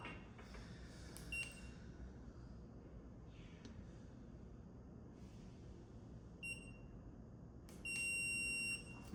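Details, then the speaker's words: Dental curing light during orthodontic indirect bracket bonding: short high electronic beeps over a low room hum marking timed cure cycles. "I'm just going to listen for the beep of the light and do 5-second cure from the gingival."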